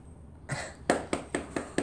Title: Girl coughing